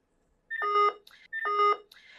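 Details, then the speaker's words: Hospital ventilator switched on and running its start-up self-test, connected to a test lung for demonstration: two loud repeated electronic alarm tones. "So, I'm going to turn the machine on for a second. It's going to do a self alarm. It's going to be a little noisy here for a second,"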